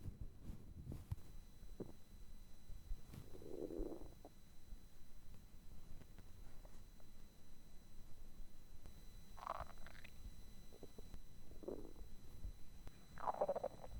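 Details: Hunger stomach growling (borborygmi) recorded for listening with earphones: quiet gurgles and short squeaky rumbles at irregular moments over faint background hiss; normal sound.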